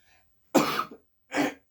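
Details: Coughing from a person during a meal, who says they keep coughing but are not sick and mentions the blossoms blooming around their house.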